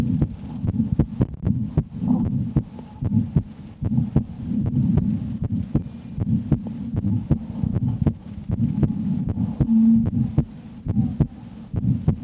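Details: Adult woman's heartbeat through a stethoscope, live recording: steady regular beats about 90 per minute over a low hum, no skipped or extra beats heard; normal heart sounds.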